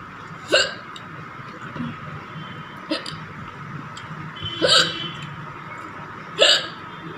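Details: Real hiccups in a woman after eating very spicy green chilies with rice, no water taken: four sharp, abrupt, irregularly spaced hiccups over about seven seconds with steady room hum.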